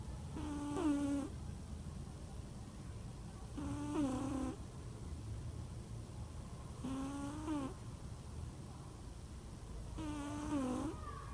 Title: Snoring cat храпящая кошка как храпят котики